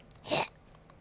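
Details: A single short, explosive hissing burst with a quick lead-in, in a quiet room, during a streamer's hiccup compilation: one sneeze.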